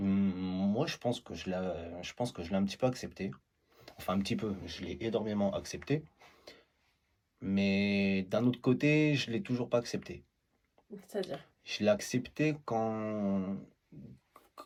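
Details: Man who stutters; stuttering.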